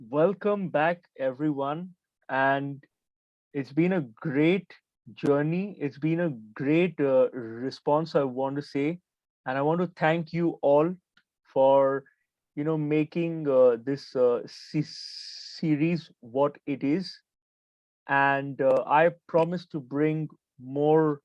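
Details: Stuttering in an adult man who identifies himself as a person who stammers.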